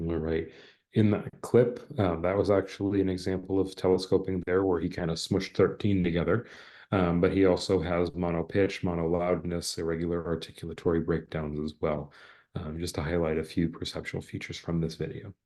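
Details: Adult male speaker; normal speech.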